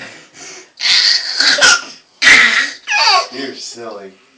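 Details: A person sneezing: a quick breath in, then a loud, explosive burst of air with voiced trailing sounds; a sneeze.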